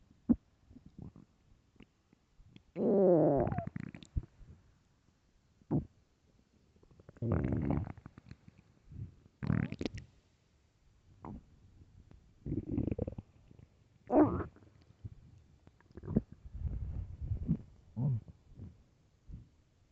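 Loud stomach growls in bursts: long groaning rumbles and short squeaky gurgles separated by silence, typical of an empty stomach.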